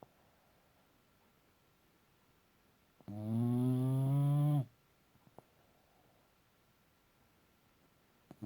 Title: Little dog...BIG SNORE!!